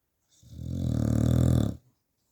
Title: My Staffy snoring